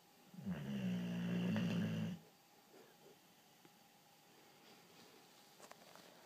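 A single loud, low, buzzing snore lasting about two seconds, then quiet room sound; dog snoring.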